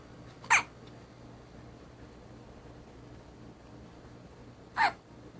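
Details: An infant said to hiccup all the time, with two short, sharp hiccups about four seconds apart in a quiet room; infant hiccups.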